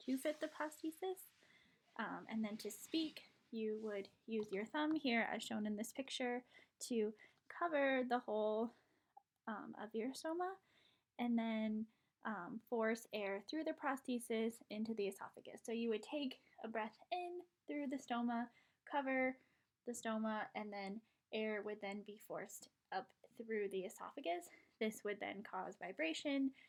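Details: Adult female speaker; Normal speech.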